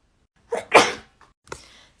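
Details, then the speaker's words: A single sharp sneeze with a short in-breath before it and a faint exhale after, a reflex sneeze triggered by a self-administered COVID-19 nasal swab test. "okay okay okay it did make me sneeze um that's fine that's fine"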